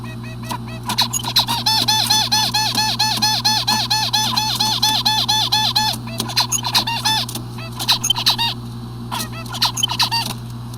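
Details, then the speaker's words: Songbird 3 months after cerebellar (deep cerebellar nuclei) lesion surgery singing directed courtship song: one syllable repeated many times in a rapid run, stuttering-like, unable to continue to the next song motif. "So you could see the stuttering like behavior, stuttering like song. So the the bird seems that he has a problem to uh to connect or to to continue with another um another motive of the song to continue with the song."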